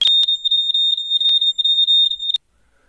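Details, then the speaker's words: A simulated tinnitus sound: a steady, piercing, high-pitched whistle for about two seconds, representing the internal noise heard only by a person with tinnitus. "Ce sifflement que vous avez entendu, C’est un bruit intérieur que seule la personne souffrant d’acouphènes entend. Ce bruit peut être continu ou ponctuel, comme pour moi, d’un seul côté ou des deux côtés."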